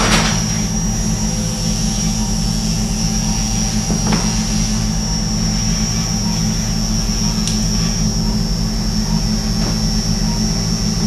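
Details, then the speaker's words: Arthroscopic burr entering from the back and slowly advancing forward shaving the acromion of a right shoulder during acromioplasty: steady loud motor drone with a constant high whine and occasional clicks. "we've got the shaver or the bur rather coming in the back and then we'll slowly Advance forward"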